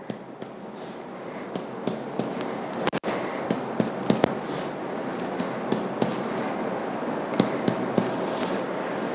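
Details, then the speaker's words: Demonstration of chest percussion at a right-sided intercostal space, using the left hand as pleximeter and the right middle finger as plexor: repeated taps give hollow, resonant thuds, the normal (sonor) note over healthy lung. "hasil perkusi pada dada yang normal atau pada paru yang normal adalah Sonor"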